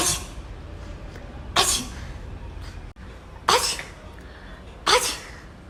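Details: Person sneezing repeatedly: four sharp, explosive sneezes in about six seconds over steady background noise.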